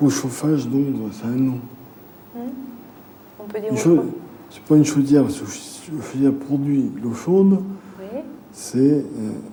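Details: Aphasia in a male patient with a brain lesion, with word-finding difficulty and paraphasias (substituting one word for another), during a picture-naming test.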